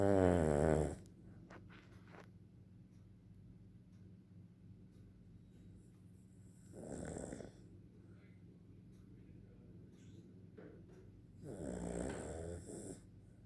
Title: Dog snoring